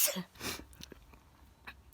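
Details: Sneezing that restarted after returning outdoors, away from air cleaners: a single sharp sneeze at the start, followed by quiet sniffling and room noise.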